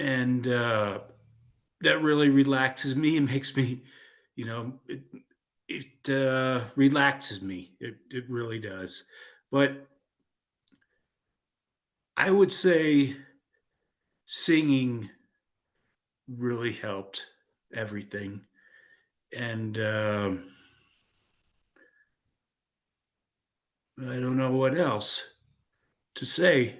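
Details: 56-year-old man with aphasia after a stroke in 2016, choir member attending neurological singing; speech with hesitations, fillers and repetitions; aphasia.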